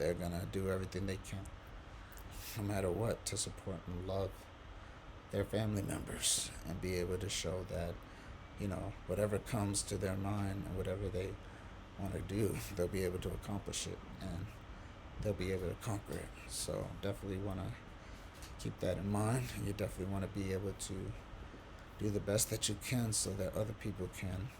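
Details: Adult man, quadriplegic from a C1-C2 spinal cord injury, breathing with a diaphragmatic pacer at 18 breaths per minute; he can speak only on exhalation, with pauses and difficulty producing certain words; breath-limited speech with diaphragmatic pacing.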